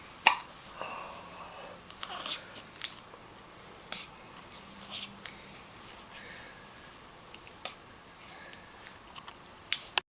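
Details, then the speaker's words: Baby girl with hiccups, her whole body jumping with each: soft, sharp hiccup clicks about every two seconds, roughly six in ten seconds, over quiet room noise. "You miss a hiccup. You never get these days again, do you? No, I know. I'll send this to Natalie. Her whole body jumps."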